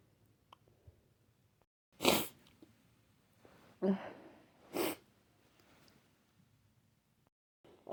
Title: Snotty sneezes